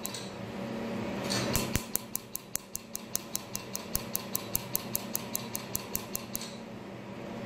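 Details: Q-switched laser tattoo removal on a patient at a skin clinic; the patient says it is not painful: rapid, regular sharp snapping laser clicks, about 150 a minute, over room noise.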